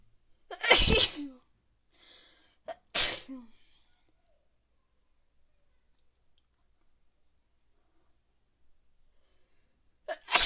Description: I got up this morning and I cant stop sneezes